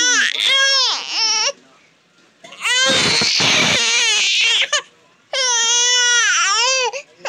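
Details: Newborn baby girl crying loudly at high pitch in three strong bursts separated by pauses for breath.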